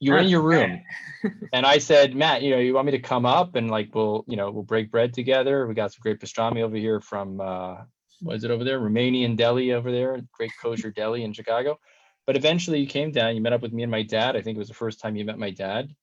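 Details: Adult man, conversational speech; no disorder (fluent speech).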